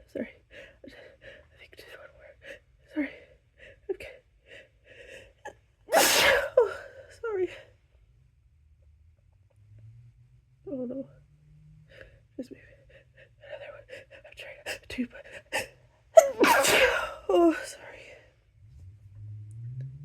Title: apologetic sneezes